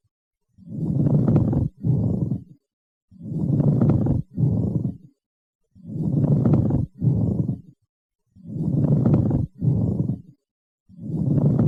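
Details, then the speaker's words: Teaching recording of a pleural friction rub: low-pitched, coarse grating sounds in paired bursts with each breath. "now let's hear the friction rub sound and other advantageous breath sounds"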